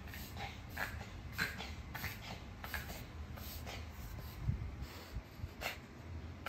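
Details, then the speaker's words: Pet dog living in an apartment, vet-confirmed kennel cough: a run of harsh, honking, retching coughs in quick succession. "hat we took to show to the vet while she was coughing, and the vet told us that yes, this is the kennel cough. So I will insert a small video here so you just guys have an idea how it sounds like."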